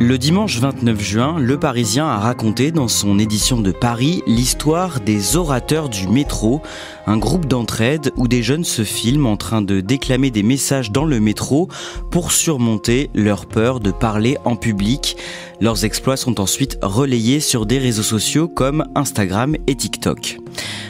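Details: Adult podcast host; no speech disorder.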